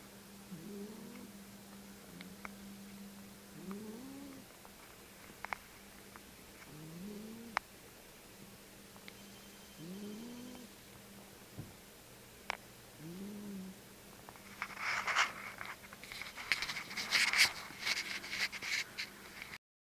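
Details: Cat snoring while asleep, about 15 years old, who died suddenly a few months later; vet thought it no issue: soft, regular squeaky snoring breaths, about 27 a minute, then rustling; snoring.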